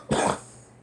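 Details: One short, harsh cough burst with a throaty edge, then quiet, from a girl who is smoking.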